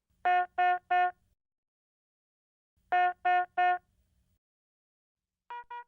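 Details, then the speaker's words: Philips HeartStart MRx monitor/defibrillator medium-priority yellow alarm: repeating three-tone beep bursts signaling a non-life-threatening condition, e.g. heart rate measurement violating high or low limits, shown with yellow background. "a yellow alarm indicates a non-life-threatening condition such as when the heart rate measurement violates the high or low limits the cause of the alarm displays with a yellow background and sounds like this"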